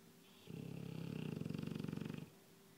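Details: Sleeping dog: one low, fluttering, vibrating snore lasting under two seconds; snoring.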